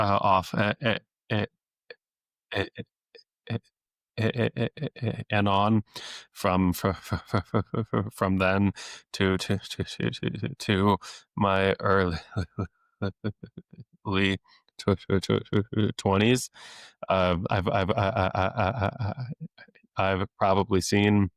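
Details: Adult male speech-language pathologist who has stuttered since age eight, deliberately lets his stutter show; stuttering with sound, word and phrase repetitions.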